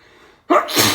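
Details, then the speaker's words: Sneeze induced by Chhinkni sneezing powder inhaled through the nostril, during a sneezing fit: a quick indrawn breath, then one loud explosive burst, a single sneeze. "I think I'm gonna sneeze."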